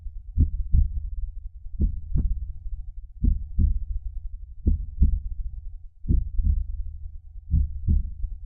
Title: heartbeat #sound #heartbeat #soundeffect